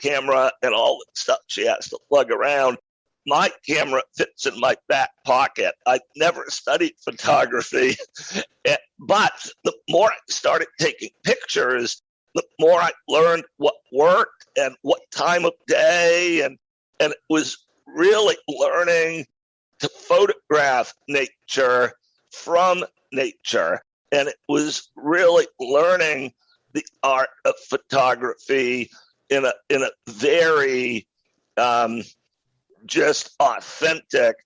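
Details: Adult man with a rare neurological voice disorder acquired in 2012, described as a partial loss of voice that made speaking difficult; about ten years on it remains audible but painless; possibly spasmodic dysphonia.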